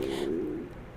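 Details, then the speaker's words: Brief low, hollow gurgling rumble from the stomach of a hungry person, typical of stomach growling (borborygmi). "um I don't know if y'all could hear that but I'm very hungry so if y'all heard my stomach grow just then I'm sorry but I'm hungry"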